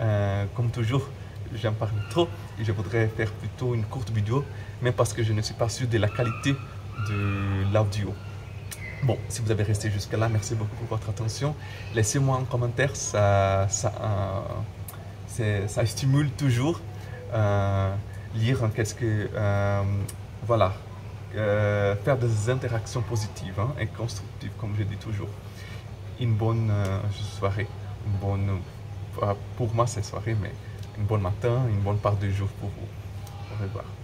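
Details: Adult man who stutters, speaking French; word and phrase repetitions; stuttering.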